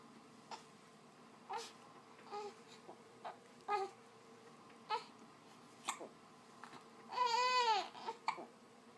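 About six brief, abrupt voiced catches roughly once a second, then a short cry. Infant hiccups.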